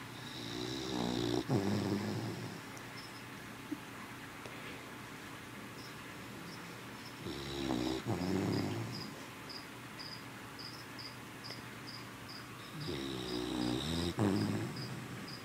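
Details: Sleeping Boston terrier/beagle mix puppy, described as a very loud snorer: soft, rattling snores in three bursts roughly every six seconds, with faint chirping in the background.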